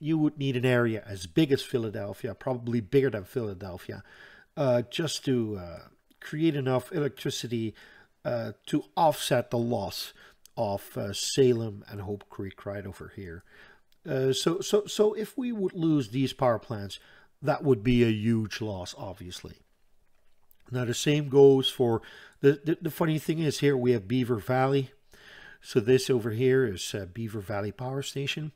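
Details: Adult Dutch man with self-reported persistent stuttering that he says is audible all the time, describing it as hanging up between his words; word repetitions heard; stuttering.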